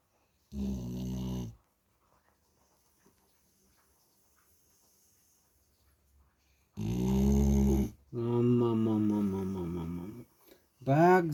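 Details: A sleeping dog snoring: loud, low, rasping snores in bursts with quiet breaks between them.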